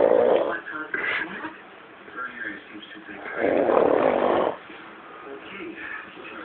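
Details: Brother snoring during a prank: two loud, harsh snores a few seconds apart, with quieter breathing and faint voices between; ordinary snoring, not a wheeze.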